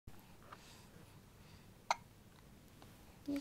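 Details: Hiccups: one sharp, brief hiccup with a faint second catch, in a quiet room.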